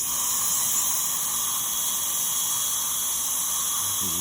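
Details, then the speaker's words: Dental handpiece trimming temporary veneers after bonding agent cured with UV light during a full veneers procedure: continuous high-pitched whine with faint room noise. "we're going to see the temporaries on their raw form now trim the temporaries right"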